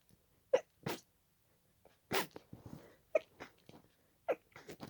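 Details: Rapid run of short, quick sneezes with brief breaths between in a quiet room, part of a sneezing fit continuing from an earlier fit and lasting about 20 minutes at this speed; paroxysmal sneezing.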